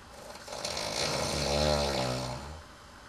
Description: the housemate who used to keep me awake at nights :)